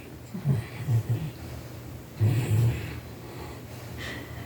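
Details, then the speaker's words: Angus, a pet, snoring while asleep: two low, rumbling bursts of snoring heard faintly against quiet room noise. "I don't know if you hear that. That's Angus snoring."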